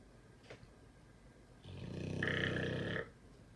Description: Pitbull, Debo is snoring LOUDLY through the fireworks! Sleeping soundly!!🐕😂 #MiaLanette